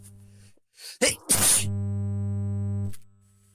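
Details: Natural, random sneeze from a person who is not ill and not in allergy season, recorded on a smartwatch: a quick breath in, then one sharp explosive sneeze over a steady background hum.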